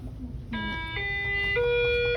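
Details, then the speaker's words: Mechanical ventilator switched on before connecting it via ventilator tubing to an intubated patient's endotracheal tube: rising series of steady electronic tones; ventilator start-up sound. "kita akan Sambungkan dengan namanya ventilasi mekanik oke yang pertama kita onkan dulu alat ini dionkan di bagian"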